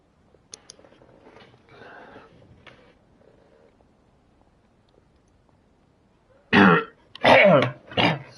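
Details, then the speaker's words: Person coughing in a small room: faint distant sounds, then three loud, harsh coughs close to the microphone. "I am back. So I'm just also saying, yeah, I cough. Yeah, I can tell you can hear me from my cough now."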